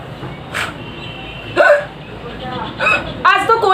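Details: A woman vlogger doing a hiccup challenge with real sound has repeated hiccups that will not stop.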